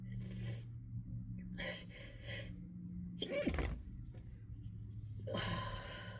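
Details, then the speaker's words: Person in a severe sneezing fit, sneezy all morning, possibly from something in the air during rainy weather: one forceful sneeze burst with a gasp before it, then sniffing and breathy noise, quiet room with low hum; sneezing. "Oh god, you guys, I never sneeze like that."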